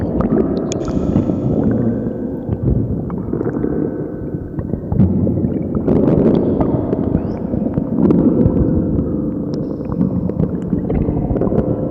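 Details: Loud, prolonged, low gurgling and rumbling from the belly, a very loud stomach growl (borborygmi).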